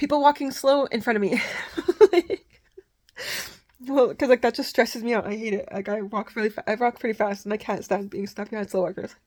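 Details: Adult woman with Tourette syndrome, for whom fast talking is one of her symptoms and who stutters and trips over words when trying to slow down; rapid speech (tachylalia).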